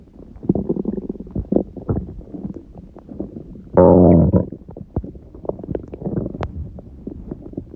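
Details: Stomach growling recorded at 1:30 am after waking, six hours after eating too much udon at 19:30, the first gluten in a while: bubbling, gurgling rumbles with a loud drawn-out groan midway; ordinary borborygmi.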